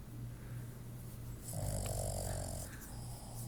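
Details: A dog gives a low rumbling snore with a louder, rattling inhaled snort midway, against a steady background hum; snoring.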